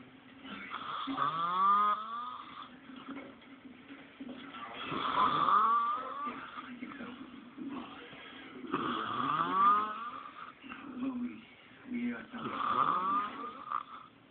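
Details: Snoring in a sleeping woman late at night: loud rattling snores with each breath in, about 16 a minute, with quieter breaths out between them.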